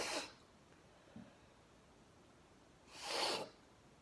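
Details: Sneezing triggered by sneezing powder into a face shield: two sharp, explosive sneezes about three seconds apart, with a quiet breath between them.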